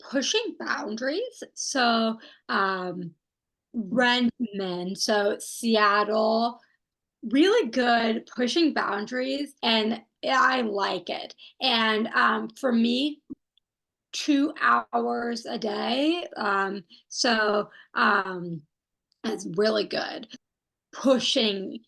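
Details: Aphasia in a woman who had a stroke at age 27, with arm and leg involvement; she is doing stroke rehabilitation therapy.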